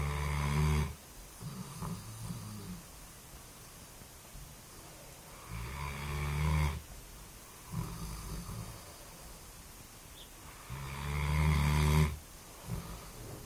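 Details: Deep, rumbling low snores recur irregularly, about 11 a minute, with quiet pauses between them: snoring during sleep.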